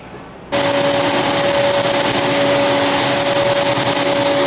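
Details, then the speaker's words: Skin-cooling blower running during a laser tattoo removal session, over 3.5-year removal process: loud steady blowing hiss with constant tone and rapid clicking. "I am going to get my tattoo lasered again here we go the ice actually hurts more than the laser"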